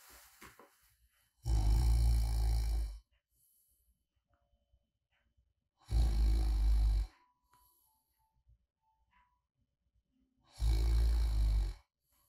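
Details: Three deep, rumbling snores at an irregular pace of about 13 a minute with quiet breathing between; light snoring in deep sleep, recorded as snoring ASMR white noise.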